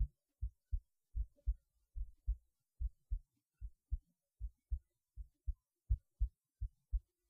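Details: Self-recorded heartbeat through a cheap acoustic stethoscope: soft paired lub-dub thumps, regular at about 80 per minute; normal heart sounds.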